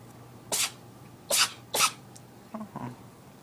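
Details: Male cat's sneezing fit: three sharp, hissing sneezes in quick succession, then two softer snuffling breaths.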